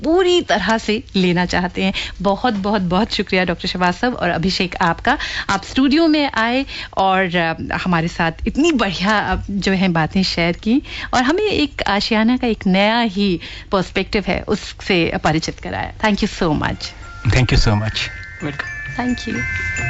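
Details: Adult woman speaking Hindi in a radio studio, with brief replies from others; ordinary fluent speech.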